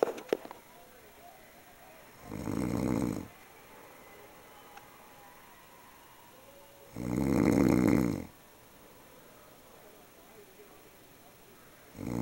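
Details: Person snoring in ordinary sleep: rough, rattling snores about every four to five seconds with quiet gaps between, roughly 13 breaths a minute.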